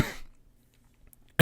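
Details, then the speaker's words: A single short adult cough, followed by near silence and the start of another sound. "this is an unrelated cough um he's uh doing fine"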